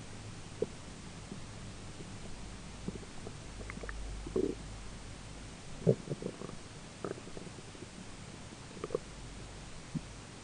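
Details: Gurgling, bubbling belly rumbles with scattered pops from ordinary digestion, with a roommate talking in the background.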